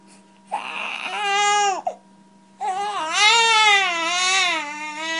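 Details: Two strong, clear wails with a brief pause from a newborn; vigorous, full-voiced infant cry.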